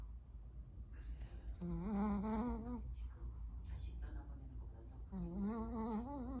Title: sleeping while snoring 😴